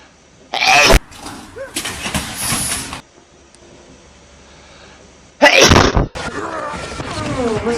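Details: Hedgehog sneezing: two sharp, explosive small-animal sneezes with soft snuffling between them; owner says it sneezed and farted at the same time; a person's voice is heard.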